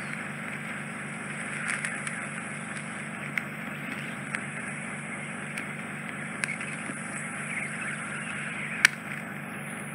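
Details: Endoscopic ear microsuction with a fine 18-gauge tip removing residual impacted wax from a man's eardrum through a slightly narrow ear canal: continuous suction hiss, pulsing motor hum and sharp clicks as wax enters the tip.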